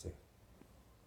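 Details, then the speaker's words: Brief low hum-like moan imitated by an adult, illustrating a feverish child of about three with cold, cough and breathing difficulty moaning with every breath, clearest during sleep; expiratory moaning (grunting). "এক number হচ্ছে morning with every breadth. তখন এই যে শব্দটা করে প্রত্যেকটা শ্বাসের সঙ্গে সঙ্গে করে"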